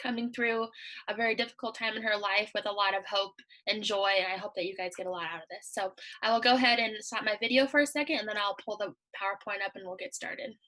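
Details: Adult woman; Normal speech.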